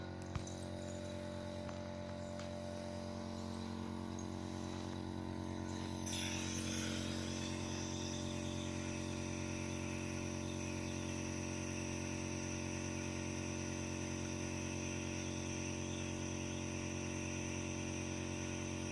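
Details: Nebulizer compressor running during nebulization of a baby for cold and cough: steady mechanical hum and buzz with a brief click near the start.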